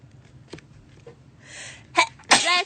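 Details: BLACKPINK member sneezing: a quiet indrawn breath, then two sharp sneeze bursts in quick succession.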